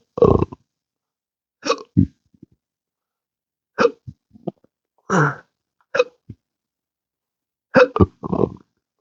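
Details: Adult with intractable hiccups and belching since December 2015 after surgery with nerve damage that triggered the phrenic and vagus nerves: repeated abrupt voiced hiccup and belch-like gulps at irregular intervals, with music in the background.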